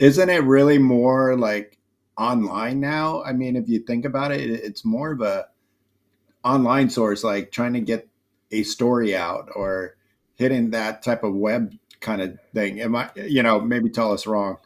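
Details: Adult male speaker; normal speech.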